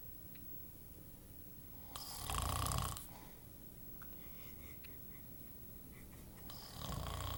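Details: Two rough, low snoring breaths several seconds apart over steady room hiss; snoring.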